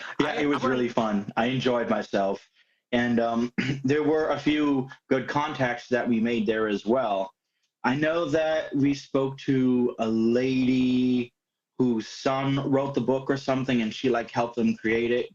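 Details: Adult speaker; ordinary speech.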